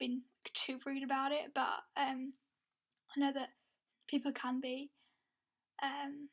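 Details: Lifelong stuttering (stammer) in an adult woman who had speech therapy at ages 12 and 16.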